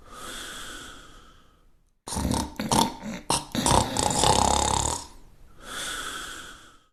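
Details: Simulated cartoon snore from an animated show (Pink Panther): rasping in-breath, noisy rattling snorts and a whistling out-breath; exaggerated loud snoring.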